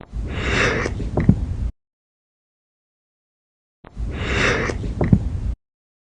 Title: 4/23/22, My Hiccups from all day, Sorry if the some of the date was incorrect, the hiccups ruined it